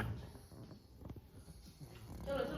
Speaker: চল আরামস নাক ডাকছে এখানে